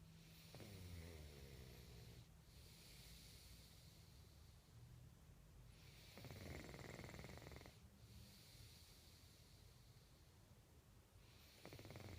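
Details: Snoring during sleep, recorded in 2014: loud, rough snoring on the breath in, repeating in long cycles over steady room noise.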